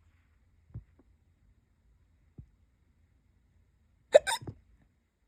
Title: hic hiccups😛